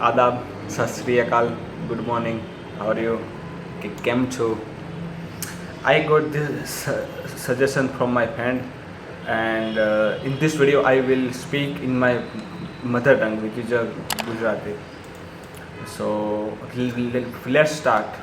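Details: Stuttering in a male speaker who says he stammers himself; stuttering.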